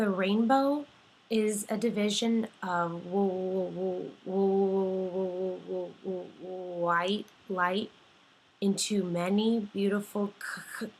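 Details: Simulated stuttering by a clinician-in-training reading a sentence, with three stuttering moments involving repetition, blocking and prolongation.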